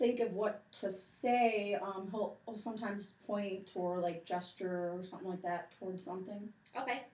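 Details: Adult woman speaking; ordinary speech.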